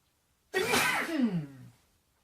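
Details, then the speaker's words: Adult man sneezing on camera, allergies set off by dust while tidying: one loud, explosive sneeze trailing into a voiced exhale. Allergic sneeze. "As you can see, I'm tidying up a lot, and the dust has set my allergies off, so I'm going to try and capture some sneezes for you from a few different positions as well, so hope you enjoy."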